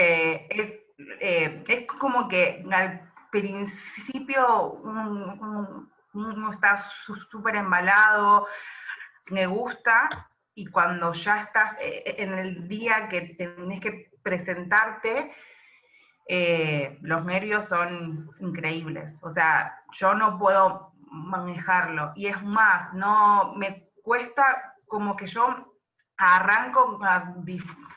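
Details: Adult woman who describes herself as a stutterer (tartamuda), speaking in a Spanish interview about doing stand-up comedy; stuttering.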